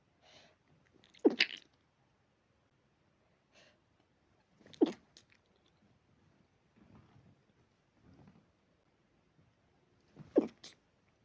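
Three sharp, short nasal sneezes with soft snuffling between them, from a dog with allergy-related sneezing.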